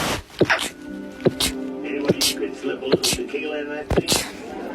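A quick run of about eight short, held-back bursts over music. Rapid stifled sneezing.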